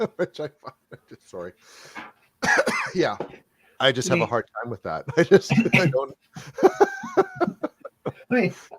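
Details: Adult speaker; typical speech.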